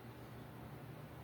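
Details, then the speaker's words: Low, steady rumbling growl lasting about a second: a hungry adult's stomach growling, ordinary harmless gut sound picked up during talking. "excuse me, my stomach growling. I hope you can't hear it. I'm so hungry."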